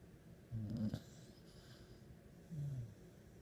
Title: Ace snores like a human.